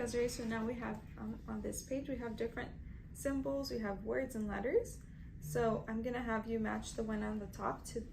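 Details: Adult woman, examiner; Normal speech.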